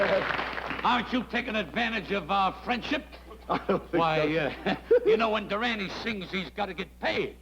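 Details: Adult male performer; no voice disorder.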